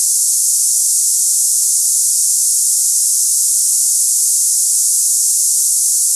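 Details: Simulated cicada-like tinnitus: a steady high-pitched hiss with no low tones, offered for comparison with ringing, buzzing or hissing in the ears.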